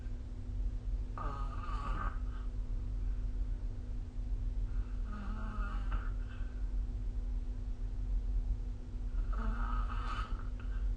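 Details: Snoring during sleep recorded with the SnoreLab app: three rough, fluttering snores about every four seconds over a steady low rumble, roughly 15 breaths a minute.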